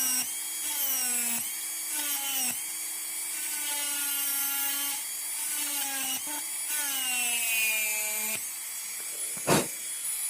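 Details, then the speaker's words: Dental high-speed handpiece with diamond point on a typodont mandibular first molar (#36), full veneer crown preparation, proximal (mesial) reduction: steady high-pitched whine dipping as the bur touches and lifts. "Okay, so now our distal surface reduction is complete. We'll do the same thing for the mesial side also."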